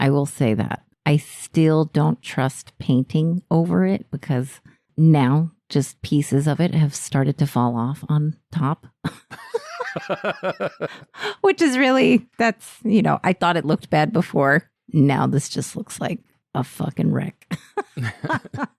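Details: Adult woman speaking; normal voice.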